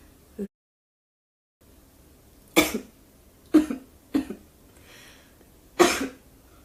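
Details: A girl gives four short, sharp coughs about a second apart, each with a slightly throaty tail, in a quiet room. This is a repeated dry-sounding cough while her voice is nearly gone.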